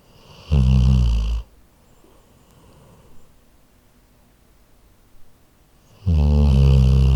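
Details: Two loud, low rumbling snores about five seconds apart, each on the in-breath, with a quiet pause between in a still room, from a sleeping Labrador, recorded on a Zoom H4n.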